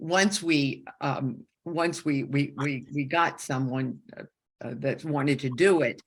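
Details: Woman with a stroke during aortic dissection surgery at age 47, with right-side loss and significant aphasia; she had about a year of speech therapy and still has aphasia symptoms; aphasia.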